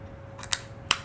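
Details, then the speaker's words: HandiHaler dry-powder inhaler for COPD: capsule inserted, mouthpiece closed, side button pressed and released giving two sharp plastic clicks that pierce the capsule so the powder dose is ready to inhale. "to use the HandiHaler the patient opens up the device opens up the mouthpiece and inserts the capsule maybe then cause the mouthpiece"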